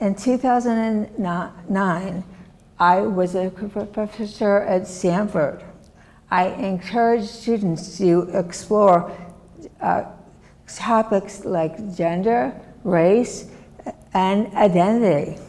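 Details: Woman, former professor, with aphasia and right-sided disability since a severe stroke in 2010; she had to relearn how to make a sound and say her name; aphasia.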